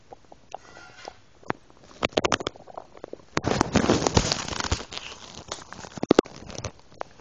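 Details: Stomach noises after drinking milk: irregular gurgles, pops and clicks, active bowel sounds (borborygmi).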